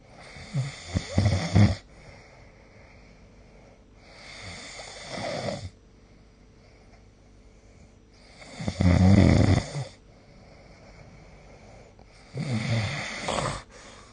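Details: Sleep snoring recorded with the SnoreLab phone app: four loud, low, rattling snores about every 3.5 seconds, around 17 breaths a minute, with quiet breathing between.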